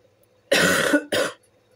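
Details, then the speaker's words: Adult's self-described smoker's cough: two harsh, rough cough bursts. "Excusez-moi. J'ai une toux de fumeur. On dirait que je fume des gitanes H24."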